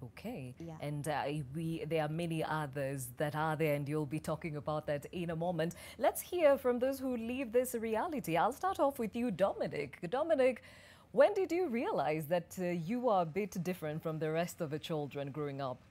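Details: Adult woman speaking; normal fluent speech.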